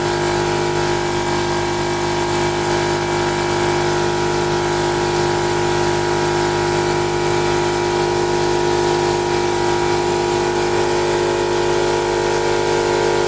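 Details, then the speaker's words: Suction machine switched on and checked before demonstrating oral and nasotracheal suctioning of an infant to remove secretions: loud, steady motor drone with a constant whine. "I'm gonna put my suction machine on and we want to make sure that our motion is working and then I'm going to lubricate my suction side of it"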